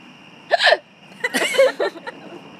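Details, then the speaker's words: Hiccups: several short, abrupt voiced catches in quick succession over a low steady room hum. "Your hiccups shake. You can just here. Like see my hiccups on the audio."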